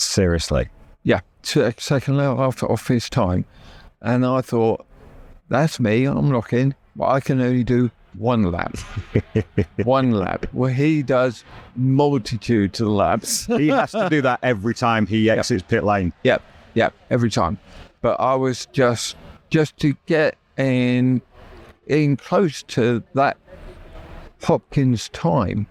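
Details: Adult man with aphasia after a stroke that nearly killed him and paralysed his right side; had to relearn speech, leaving hospital able to say only three words; still knows what he wants to say but words come out differently.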